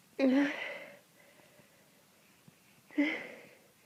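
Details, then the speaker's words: Person sick with a cold, in bed all day, with sore throat and watering eyes: two sharp explosive sneezes about three seconds apart with a soft sniff between; repeated sneezing. "I'm really sick I've been in bed all day I have to sneeze just so [Applause] bad eyes are watering"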